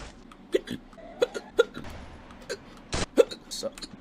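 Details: A streamer hiccuping repeatedly while gaming: sharp, abrupt catches in the breath recur irregularly over game sounds and background noise; hiccups.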